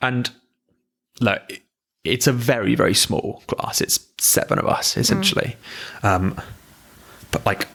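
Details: Stammering in an adult, in conversational speech.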